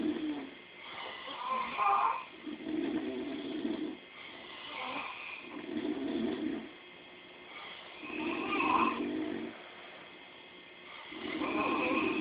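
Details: Two people snoring at the same time through the night: overlapping rattling and whistling snores, about 20 a minute, alternating in pitch; simultaneous snoring.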